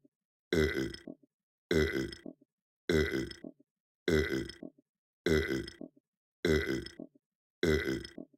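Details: Simulated burping: the same loud, deep imitation burp is voiced for a puppet and repeated at a steady pace of about 51 a minute.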